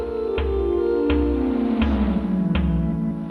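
Synthesized music with sustained, downward-sliding tones and a drum-like strike about 83 times a minute: biomusic sonification of vital signs during an anxious state.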